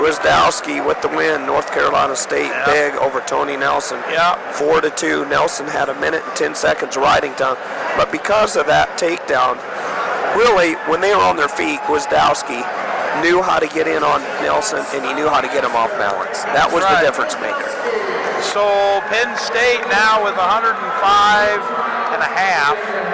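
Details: Adult male sports commentator; Normal speech.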